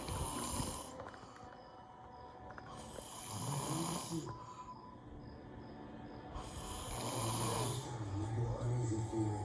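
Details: Girlfriend snoring, keeping a partner with PTSD awake: loud, rattling snores about every three to four seconds, with a television or game in the background; snoring.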